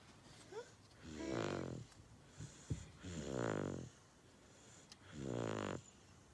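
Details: Baby girl snoring while asleep after skipping her daytime nap: three loud, rumbling, buzzing snores on the in-breath, about one every two seconds, in a quiet room.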